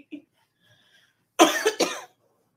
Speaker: Oh, my cough will not go away.